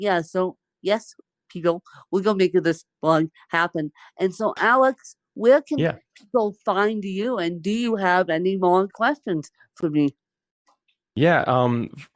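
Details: Adult woman born with cerebral palsy, speaking in conversation; dysarthria in cerebral palsy.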